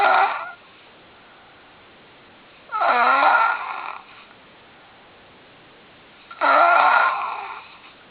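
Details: A man snoring in the morning: loud rasping snores with each in-breath, about three in eight seconds, separated by quiet pauses.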